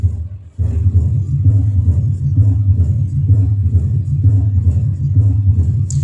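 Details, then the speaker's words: Low rumbling diastolic murmur between regular beats at about 65 a minute in mitral stenosis; left-sided murmur that accentuates on expiration, teaching auscultation recording. "again breathing okay effect over it accentuates on expiration since it is a left-sided number"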